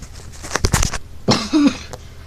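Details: A quick run of harsh coughs followed by a throat-clearing cough, from someone who says he is sick and not feeling well.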